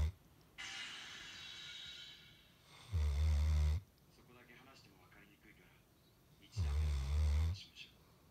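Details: Sleeping Golden Retriever: deep, loud rumbling snores about every three to four seconds with quieter breaths between; harmless snoring.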